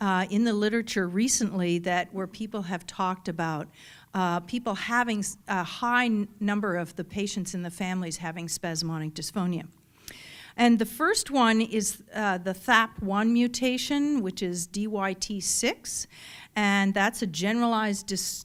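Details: Adult woman speaking; typical speech.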